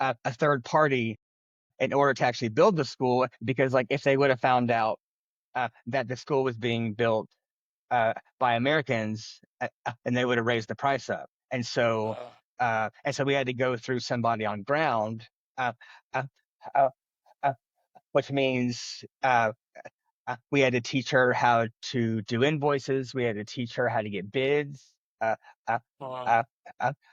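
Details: Adult man who has stuttered since childhood and says he struggles with it every day, speaking spontaneously in an interview; stuttering.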